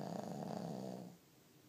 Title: My lil snoring pig